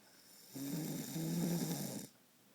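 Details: One loud, rough, rattling snore lasting about a second and a half from an adult asleep at night; snoring.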